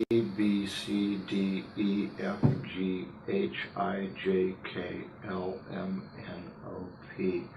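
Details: Patient with dystonia reciting the alphabet in a teaching example. Facial asymmetry is shown, with the mouth a little twisted. Speech affected by dystonia.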